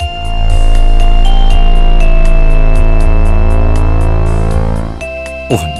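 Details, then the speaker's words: Simulated tinnitus demonstrating a humming/buzzing type rather than hissing: deep steady hum with regular low thumps and faint held tones, representing humming and thumping tinnitus. "maar tinitus hoeft niet altijd uit zuis geluiden te bestaan het kan ook gaan om een [Applaus] piep of om een bromgeluid"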